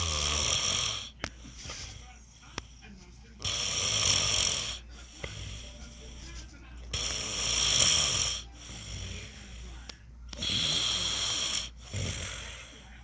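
Loud, rough, rasping snores on each breath, about 17 a minute, with occasional clicks between them.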